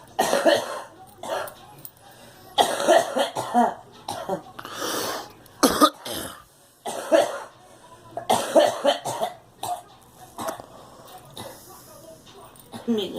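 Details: Girl coughs repeatedly in short bursts, about a dozen coughs over thirteen seconds; cough.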